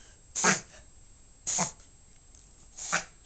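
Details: A dog makes three short, sharp snorting noises about a second apart; its owner was told it is harmless; reverse sneezing.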